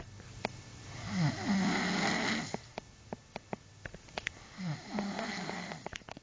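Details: Adult snoring during sleep: two loud, rattling, fluttering breaths in a row with soft clicks and room noise between them; a bed partner complains the snoring keeps them awake.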